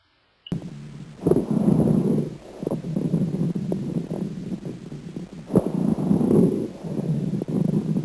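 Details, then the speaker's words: Breath sounds with low-pitched bubbling crackles from early through all of inspiration, longer and less high-pitched than fine crackles, changeable with cough, taught as caused by fluid secretion in the airways; coarse crackles. "no início da inspiração e durante toda a inspiração são menos agudos e de maior duração que os tucanos podem sofrer alteração com a tosse e costumam ser auscultado são todas as regiões do tórax"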